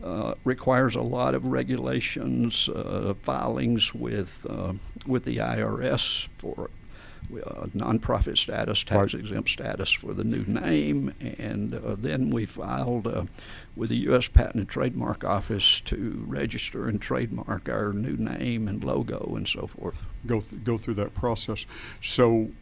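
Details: Adult man with adductor spasmodic dysphonia, a rare neurological voice condition with onset around 1999-2000: laryngeal muscle spasms slam his vocal folds together, so speaking takes more effort; treated with botulinum toxin injections below the Adam's apple; adductor spasmodic dysphonia.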